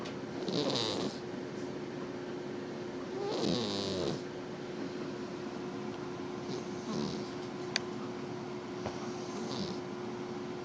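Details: Soft, rattling breathing noises recurring every few seconds against a steady background hum. Snoring during sleep.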